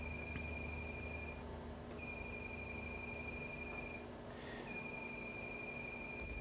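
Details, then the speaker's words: Steady high-pitched device tones broken by brief gaps over low hum: Quanta Pronto high-speed diode laser firing 12 pulses per second through a chilled sapphire crystal, pulled directionally for hair removal on a man's back. "we're using a sapphire crystal that the lasers firing through and we're as you can tell he's pulling it directionally"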